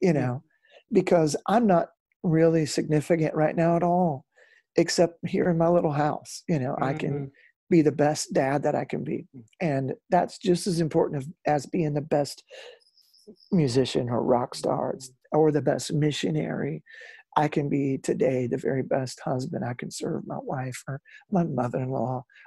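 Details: Adult male former rock lead singer with incurable spasmodic dysphonia, which began at the height of his singing career and was first taken for hoarseness; doctors could not fix it; still affected and audible in his speech; spasmodic dysphonia.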